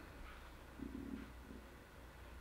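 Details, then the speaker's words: Faint, low half-second gurgling rumble of stomach growling in a woman turning 50 who has eaten little that day while waiting for supper; a normal hunger sound. "did you just hear that? That was my stomach. I haven't eaten a lot today just because I'm waiting to have our supper."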